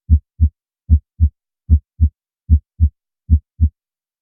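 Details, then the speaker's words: Normal heart sounds (S1 and S2), played as a comparison to mitral and tricuspid regurgitation and ventricular septal defect: regular paired lub-dub sounds at about 75 beats a minute with silent pauses between beats. "now let's compare this to the normal heart sound"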